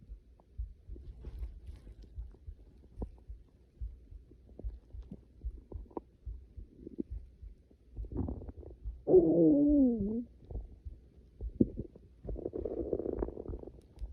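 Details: Stomach growling (borborygmi) from hunger on waking, before class: low gurgles and rumbles, then a loud, long, squeaky, wavering growl; normal hunger stomach growling.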